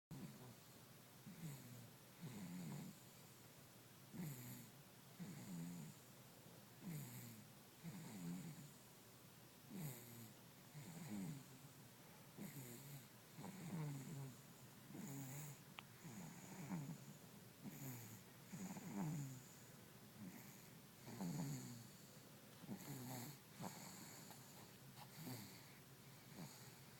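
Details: Snoring from a sleeping 8-month-old infant: soft, low rattling snores repeating steadily with each breath in a quiet room.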